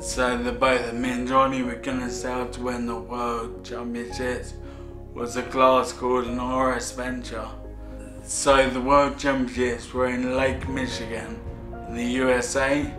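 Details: Ataxic dysarthria in an adult man with Friedreich's ataxia, a degenerative disorder affecting nerves and muscle control; symptoms first noticed at 13; he says his speech has got bad.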